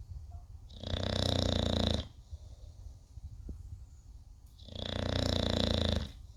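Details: Sleeping English bulldog snoring: two loud, rattling snores about four seconds apart, each lasting over a second, with quiet breathing between.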